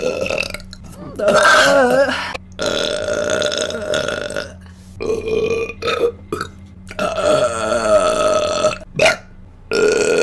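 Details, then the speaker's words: Repeated burping brought on by thigh squishing: a run of loud, long, voiced belches with wavering pitch and short pauses, over a steady background hum. "I'm going to try to like not burp immediately"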